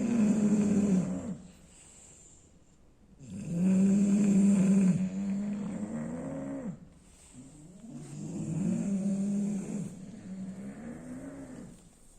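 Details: Bulldog snoring: loud, rough, voiced snores rising and falling with each breath, about three long breath cycles; heavy snoring of a flat-faced dog.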